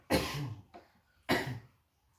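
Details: Effective cough technique demonstrated for a male patient, right hand on left chest and left hand on abdomen: a deep breath held, then two strong, forceful coughs with a weaker one between, for clearing airways.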